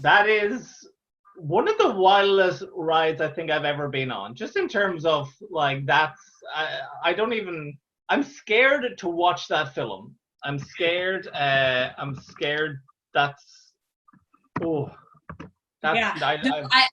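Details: Real stuttering (stammering) in an adult Irish man, a stand-up comedian who stammers, heard talking in an interview.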